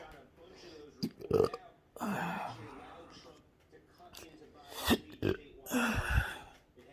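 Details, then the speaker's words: Intractable chronic hiccups since 2015, with breathing and choking spasms; cause undiagnosed. Patient sits still because moving makes them worse, and feels the spasms at the Adam's apple. Abrupt, throaty hiccup bursts every 1-3 seconds with gulping sounds between them. "so here I can at least breathe a little these burps. They're right here in my throat. The Adam's apple area. It goes up and down and that's where that gets a little painful."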